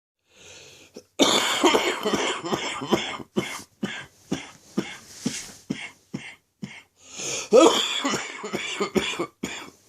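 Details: Ongoing chest infection, afternoon: repeated harsh, rattly coughing fits with loose, phlegmy texture, a productive chesty cough.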